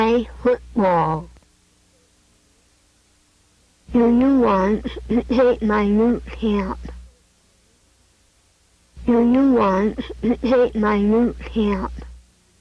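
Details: Adult speaker with cleft palate speech produces stops valved at two places at once, with the glottal place the effective one; co-articulated glottal stops (cleft palate speech).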